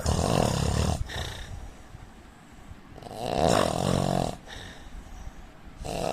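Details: Loud, rough, rattling snores on breathing in, with quieter breathing out between them; about two snore cycles from a man snoring.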